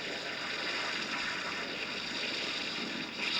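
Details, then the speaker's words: Simulation of how music sounds to a cochlear implant user: a hissing, watery wash of sound with no clear notes or melody. Such implants give effectively 8 to 10 channels. "para el usuario el habla generalmente es comprensible con la música es otra cosa así suena la música con unicef"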